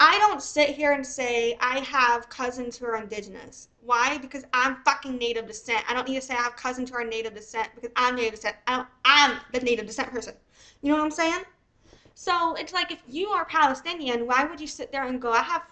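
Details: Adult woman speaking; Normal adult speech.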